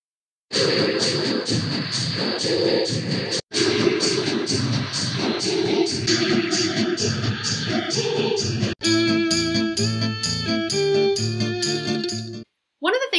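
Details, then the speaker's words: Simulated cochlear implant music: the same tune plays in successive versions at increasing implant resolution, from a harsh, noisy blur to clearer notes. "here are some samples of what cochlear implant simulations sound like this is the same speech and music in both in both columns uh and what's changing is the resolution of the implant"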